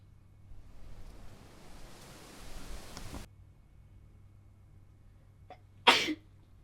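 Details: Morning sneezing fit in a quiet room: a rising, hissing build-up, a pause with a faint catch of breath, then one sharp, explosive sneeze.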